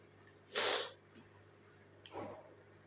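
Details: Person who is sick with sniffles, sneezing while playing a video game: a single loud, sharp sneeze followed by a short sniff.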